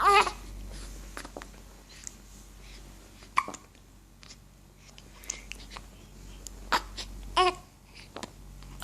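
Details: Brief, sudden hiccups at irregular intervals from a baby boy, among soft baby babbling and faint adult talk in the background; hiccups.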